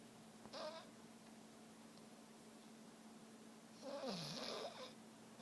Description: Buster snoring super loud.